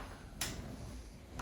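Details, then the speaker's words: Chiropractic adjustment of an adult woman with a history of Bell's palsy twice, lying on her side with top knee up: several brief sharp cracking pops from the lower back; joint cavitation. "wow that was a lot of cracks that's your lower back"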